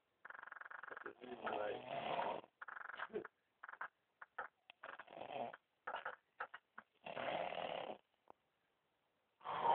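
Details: Rough, buzzy snorting breaths in uneven bursts, some long and some short, with quiet gaps between; snoring.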